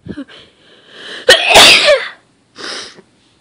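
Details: Sneezing after an attempted holdback ("don't sneeze"): breathy catching inhalations, then one explosive sneeze and a softer second burst; powerful, somewhat messy sneezes.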